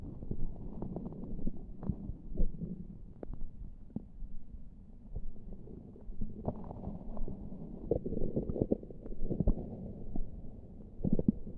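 Irregular low gurgles and rumbles from the belly, heard without pressing on it; ordinary bowel sounds.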